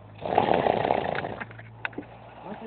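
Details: Gorilla snoring: one loud, rough, rattling inward snore followed by quieter breathing sounds.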